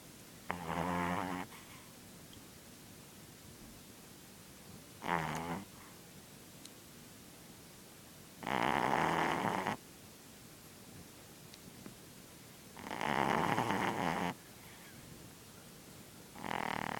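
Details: Loud rattling snores recurring about every four seconds, roughly 14 a minute, over quiet room noise from a pet with a cold and an ear infection who is recovering; heavy congested snoring.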